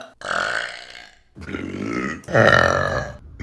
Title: Burping Compilation August #4 | RBC